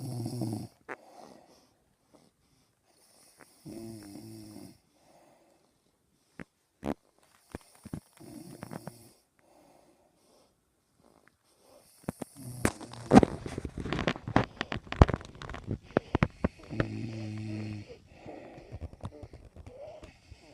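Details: Father and baby snoring while asleep: rough, low rumbling snores every few seconds, with some rustling noise in between.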